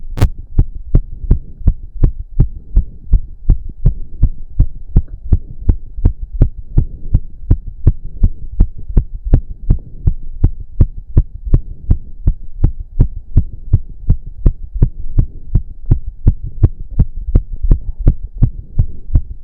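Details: Male during a roughly 15-minute intense cardio workout. Loud, very fast, regular pounding heartbeat of about 160–170 bpm with heavy breathing behind; reported close to 200 bpm. Exercise-induced sinus tachycardia.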